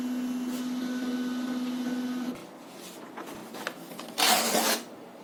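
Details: Philips PageWriter TC20 cardiograph, with 4 limb and 6 chest electrodes, printing an acquired ECG tracing in a demonstration: steady mechanical printer hum for about two seconds, then clicks and a brief paper-feed rasp.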